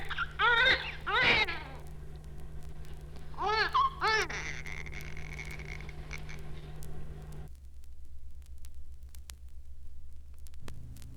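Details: Weak cry of premature infant.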